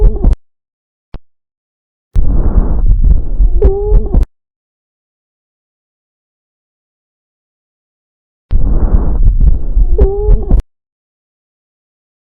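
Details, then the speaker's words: Wheeze: noisy breaths with a musical, whistling tone late in each breath, from narrowed airways. "You are listening to Weeze."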